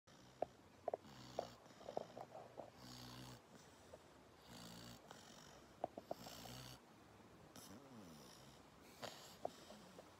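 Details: A sleepy springer spaniel snoring for one minute: soft, buzzing snores with small clicks and whistly breaths in a quiet room.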